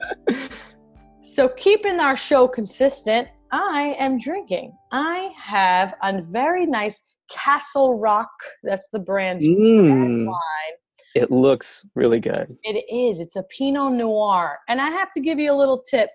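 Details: Adult woman speaking; ordinary fluent speech.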